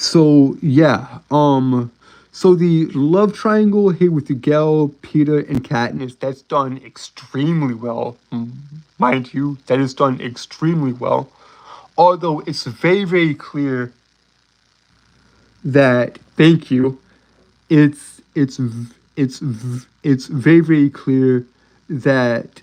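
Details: Adult male streamer with a self-reported speech impediment, a stutter, which he says cannot be helped: stuttering.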